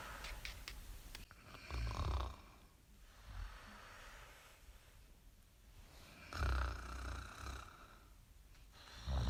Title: Snore mimimi